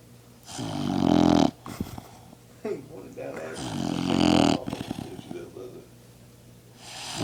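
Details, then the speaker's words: Dog snoring after a big meal: two loud, harsh, rattling snores with snorting in between, in a quiet room. "Alright, y'all, this is the dog snoring."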